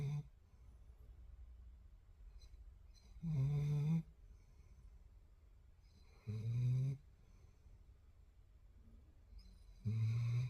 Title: lhola snores #shortsfeed #viral #ytshorts #germanshepherd #puppy #doglover